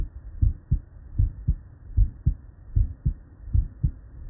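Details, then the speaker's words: Normal S1 S2 heart sounds played as a reference, not the patient: steady paired lub-dub beats at about 75 per minute with quiet gaps and no murmur. "this is not our patient this is just a frame of reference to make sure the sound works this is a normal s1 s2 mario [Music]"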